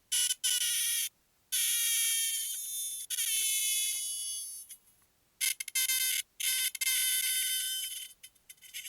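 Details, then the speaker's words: Male patient with L3–L4–L5–S1 disc bulges and bilateral sciatica, during electro-acupuncture including local pain points: high shrill electronic tones in bursts with brief gaps, the device signal that the needle sits on the correct point, reading above 500. "Sound వింటున్నారు కదా అంటే మనం correct point లో ఆ student place చేసినట్టు అర్థం అవ్వట 500 above వెళ్తే అది దీన్ని బట్టి తెలిసిపోతుంది"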